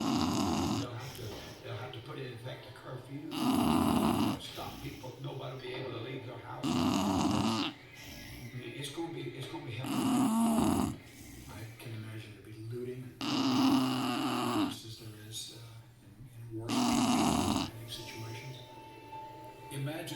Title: Huge bulldog snoring ❤️